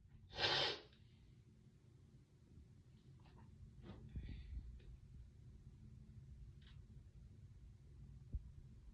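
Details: One sharp, hissing sneeze followed by a few faint breaths in a quiet room: a single sneeze.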